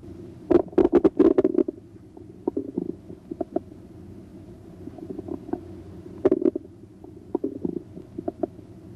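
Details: Stethoscope diaphragm placed gently on the right lower quadrant of the abdomen: irregular gurgles and clicks in clusters, typical of normal bowel sounds.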